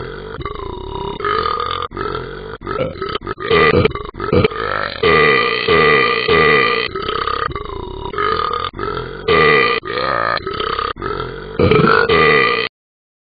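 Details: Animated dog character from the Talking Ben phone app burping: long, repeated throaty burps, a sound effect rather than a real person.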